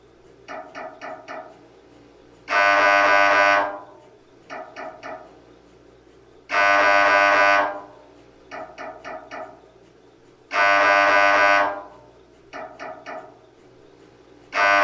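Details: Sample MRI scanner sounds to prepare patients: repeating cycle of quick tonal knocks followed by a loud sustained buzzing tone, about every four seconds; MRI pulse-sequence noise.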